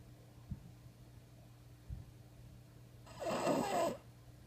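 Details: Bulldog sleeping while a cat investigates: two short snorts, then a loud, rough, rattling snore in a quiet room.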